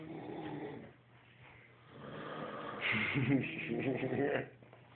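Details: Sleeping animals recorded on an Android phone; rough, rattling snorts and snores with uneven breathing; snoring.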